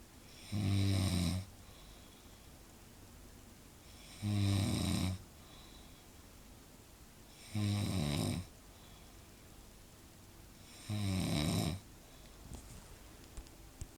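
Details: Person snoring loudly enough to keep others awake: loud, regular, low-pitched rattling snores on each inhalation, about 18 breaths a minute, with quiet pauses between.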